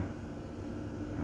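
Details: Everflo oxygen concentrator running after being switched on, with the flow knob turned up (maximum 5); a steady low mechanical hum with a faint high whine.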